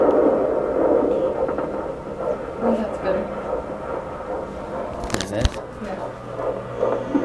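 Fast, muffled whooshing pulse of a fetal heartbeat on Doppler, partly lost in static as the probe shifts.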